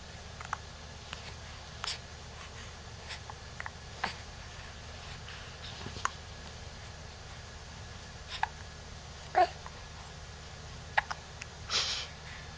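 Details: 2-month-old infant with hiccups: several short, sharp, irregular gulping catches over steady room noise.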